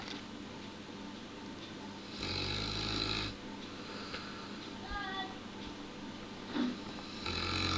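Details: 71 kg Neapolitan Mastiff asleep on pillows: deep rumbling snores with wet snorting breaths over steady room noise; snoring.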